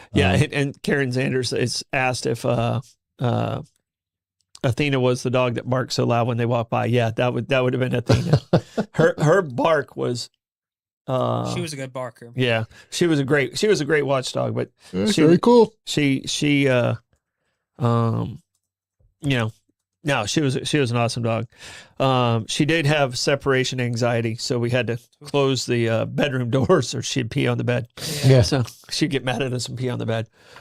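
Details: Stuttering in a male speaker who himself describes having a stutter.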